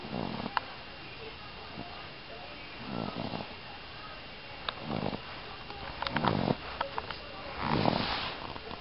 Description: Toby at 14 weeks snoring so loudly! How can something that small produce such a loud and horrible sound??! haha